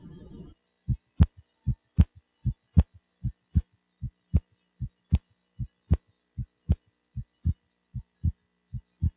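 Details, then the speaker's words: Normal heart sounds in an adult patient lying down, heard over the pulmonic area, the best position to evaluate splitting of the second heart sound: regular paired heart sounds, about 77 a minute. "auscultation the pulmonic area where the patient lying is the best position to evaluate splitting of the second heart sound"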